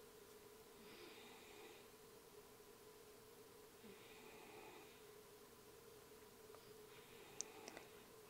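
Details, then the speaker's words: Small dog snoring loudly in the background of a room. "my little dog Stanley back there is really snoring up a storm sorry if you can hear that"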